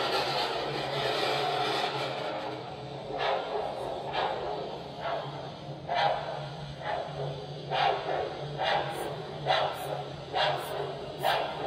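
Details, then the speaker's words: Simulated manual blood pressure measurement: Doppler ultrasound probe over the brachial artery under a deflating cuff; whooshing pulse sounds return regularly at about 67/min, systolic around 115 mmHg. "Here a Doppler probe using ultrasound will project the sound of the brachial pulse until the cuff oludes the artery."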